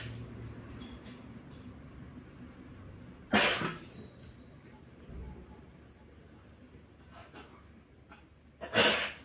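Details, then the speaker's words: Eid sacrificial ram gives two sharp, harsh, explosive coughs several seconds apart, with faint rustling and room noise between them; the owner says it coughs very often; repeated coughing. "كمل يسعل هكا هذه المره قبطت شويه مالف دائما دائما بزاف"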